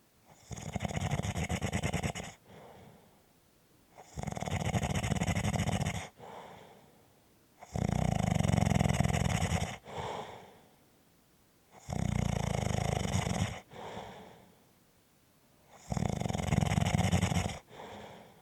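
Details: Loud, deep, rattling snores on each breath in and a softer rush on the breath out, about 16 breaths a minute: snoring.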